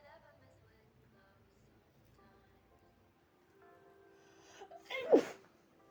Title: spring allergy sneezes and false starts in a hanky